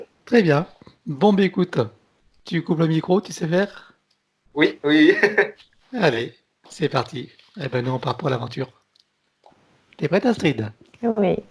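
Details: Adult speaker; ordinary speech.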